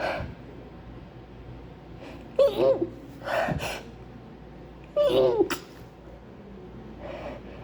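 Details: Two forceful voiced sneezes with gasping in-breaths and sniffles between them, acted repeated sneezing by someone describing a terrible flu with wet sneezes that come despite trying to hold them in.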